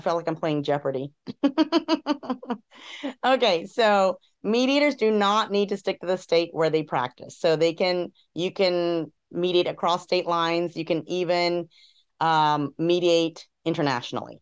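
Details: Adult woman speaking; normal speech.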